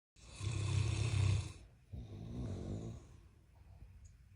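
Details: A long, loud, rumbling snore on the in-breath, then a softer, fluttering snore; heavy snoring from a sleeping giant Mastiff puppy and a husband.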